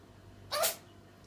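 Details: A single short, sharp sneeze from a ginger cat in a quiet room; an ordinary cat sneeze.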